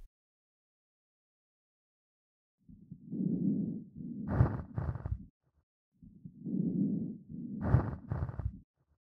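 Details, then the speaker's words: Real-life recording of a pleural friction rub: low, grating, creaking sounds with each breath in and out, likened to footsteps on fresh snow or walking on creaky wooden boards. "ʻO ka hōʻuluʻulu manaʻo, ʻo Pleural friction rub he leo hoʻomau a haʻahaʻa i hoʻohālikelike ʻia me nā kapuaʻi wāwae i ka hau hou a i ʻole ka hele ʻana ma luna o nā papa lāʻau creaky."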